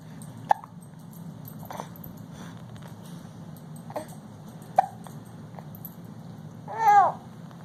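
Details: Infant almost 5 months old sitting in a Bumbo seat: short, sharp hiccup sounds about every 1 to 1.5 seconds in a quiet room, then a brief baby vocalization; infant hiccups.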